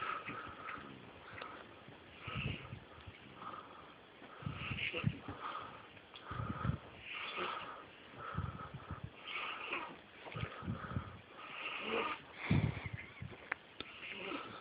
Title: Baby snores like grown man